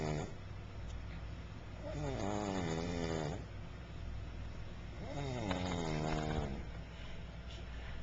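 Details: Woman snoring after a long day: two long, droning, tonal snores with rising and falling pitch over steady background noise and music; snoring.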